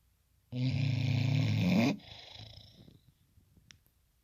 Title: Snoring Bulldog